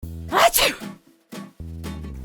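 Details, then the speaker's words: Simulated sneeze in an animated children's hygiene short: a single sharp sneeze burst over background music, followed by a lesson on covering the mouth when sneezing. "Sorry, I just sneezed. Sweetie, remember, you should always cover your mouth with your hand when you sneeze, like this."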